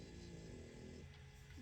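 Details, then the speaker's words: A sleeping puppy snoring in the background: a quiet, low, buzzy rumble, one drawn-out snore fading in the last half second. "so puppy is grou and he's snoring in the background"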